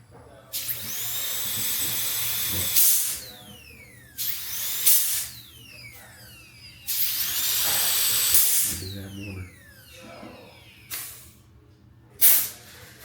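Several high-pitched whining bursts that rise to speed and wind down, a dental handpiece run on test, with air hiss between runs.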